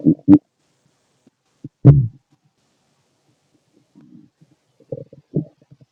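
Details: Adult male abdomen while digesting food: irregular low gurgles and squelching rumbles, ordinary bowel sounds (borborygmi).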